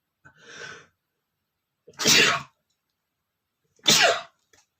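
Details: Male sneezing: a soft, hissy breath, then two short, fairly gentle sneezes about two seconds apart.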